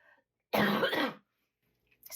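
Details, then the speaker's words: Adult woman's brief cough while talking at length during filming; she reports coughing a couple of times every day of her life, often when talking without pausing: cough. "me I have a cough every day of my life just a couple times that sounds like a covid cough it always seems to happen when I'm filming because I'm talking so much without pausing"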